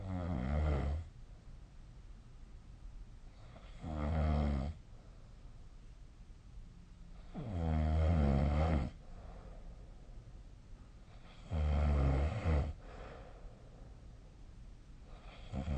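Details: Snoring during sleep, recorded 2025/03/07 with the SnoreLab app: deep rumbling snores about 16 per minute, each on inspiration, with quiet pauses between them.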